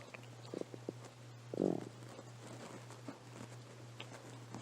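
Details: Stomach growling recorded on a phone after a day without eating, while the person had a bit of a cold, with background noise present.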